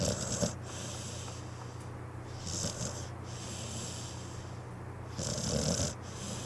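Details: Loud, rattling snoring with snorting breaths over a steady low background hum, from a sleeping pit bull; a loud snorer.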